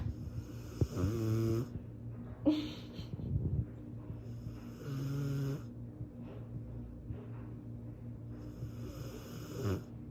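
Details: Heavy snoring in a sleeping 1-year-old Cane Corso dog: loud, low, fluttering snores on each breath with snorty rattling in between.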